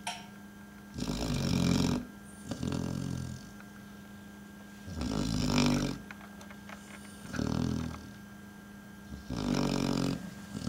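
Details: A sleeping dog lying on a boot gives loud, rough snores, rattling on each breath in at about 14 breaths a minute, with quiet breaths out; dog snoring.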